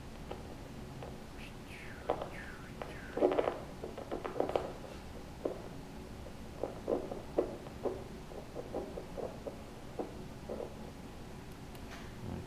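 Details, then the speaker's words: Normal Doppler arterial pulse, posterior tibial artery at the medial malleolus, checked in a diabetic man before metatarsal foot surgery: soft rhythmic whooshing pulses, good arterial flow signal. "okay that's medial malleolus and we're locking right in here again and get the same nice sound from"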